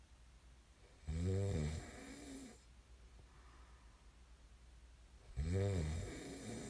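Two loud rattling snores on breathing in, about four seconds apart, with quiet breathing between them.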